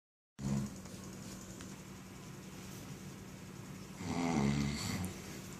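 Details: Sleeping adult man gives a low, rough snore near the end, with a briefer one at the start, over a steady room hum: ordinary snoring.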